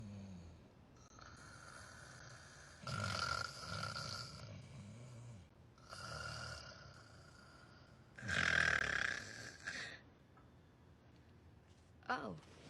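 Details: Snoring in a scene from the film The Intern by a sleeper called a classic noisy sleeper: several loud, rough snoring breaths with quieter pauses and room noise.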